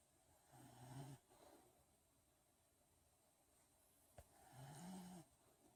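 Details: Snoring: two low, buzzing snores about four seconds apart, with quiet breathing in a hushed room.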